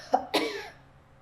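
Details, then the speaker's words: Manually assisted cough in a patient: therapist's hands on the front of the shoulder and behind the pelvis, PNF trunk counter-rotation after a deep breath and hold; two short coughs, the second stronger with an airy tail. "okay so we're going to stretch stretch stretch stretch stretch hold it and cough so again we're using a PNF counter rotation technique for this"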